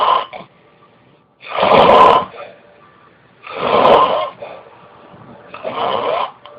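Loud, rough snores on each breath in, about three in seven seconds, with quiet pauses between them.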